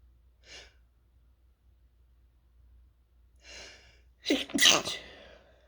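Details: Sneezing triggered by toasting chili peppers, with sore throat: sharp in-breaths, then a burst of two or three partly stifled sneezes; irritant-triggered sneezing.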